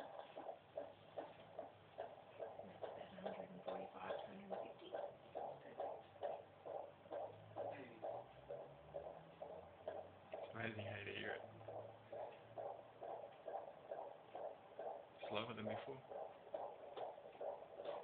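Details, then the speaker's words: Fetal heart sounds on doppler at a checkup: rapid, regular whooshing heartbeat about 140 a minute, noted as faster when first heard but expected to slow down. "faster when we first listened in there, but you know, it's meant to slow down."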